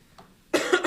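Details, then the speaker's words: Cough from an adult musician during a live acoustic session, describing his throat trouble as laryngitis: one short, sharp cough with a brief throat-clearing quality. "Just gotta deal with this a case of Brazilian laryngitis."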